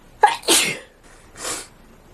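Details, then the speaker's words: A forceful real sneeze, with a sharp intake, an explosive burst and then a softer breathy exhalation, in a woman whose nose is itchy. She is having a sneezing fit triggered by dust while deep-cleaning a dusty closet. "oh my God I can't stop sneezing I can't even talk to you guys because I can't stop sneezing this is really crazy"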